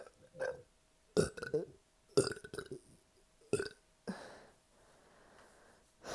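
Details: About five loud, throaty, gurgling burps in a row with short pauses, after a double quarter pounder, large fries and a liter of soda left a bloated belly; repeated burping.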